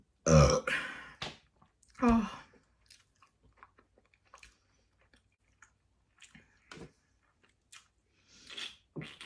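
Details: Mukbang eating session: two loud low-pitched belches, then quiet chewing and mouth sounds; ordinary burping while eating.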